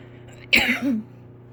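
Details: One abrupt, harsh adult cough with a voiced, slightly groaning tail, from someone sick with an unknown feverish illness and feeling somewhat congested.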